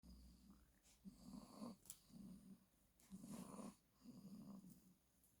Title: snoring